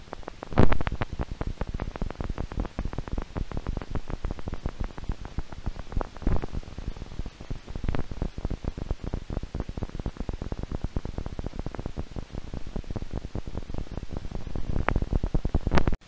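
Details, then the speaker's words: Needle EMG of muscle after nerve injury, showing spontaneous muscle fiber activity: low-amplitude fibrillation potentials and positive sharp waves that appear irregularly and increase as the needle moves. They sound like dense, irregular crackling clicks and pops, like rain on a tin roof. "they appear irregularly on your screen and they increase in intensity As you move the needle has often been compared to the sound of rain on a tin roof"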